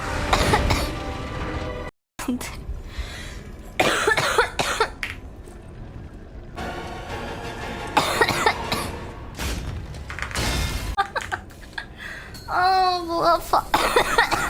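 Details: Girl coughing during a game livestream while complaining of a sore throat: several short harsh coughs and throat clearing over background music and game sounds; a repeated cough.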